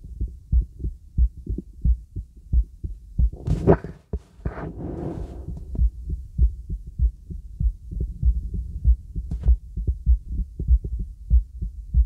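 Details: Heartbeat heard over a girl's heart through a real stethoscope (bell): normal heart sounds.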